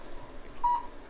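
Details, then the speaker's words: Cold laser (low-level laser therapy) unit running a plantar fasciitis program on the foot and heel during chiropractic treatment: a single brief, soft electronic beep over quiet room noise, signalling the machine is on. "beautiful thing about this technique is you can hear the machine beeping we know it's on"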